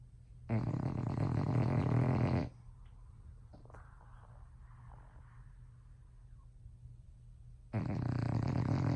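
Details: Sleeping female bulldog in bed overnight: loud, harsh, rattling snores on each breath in, separated by quiet breathing out; snoring.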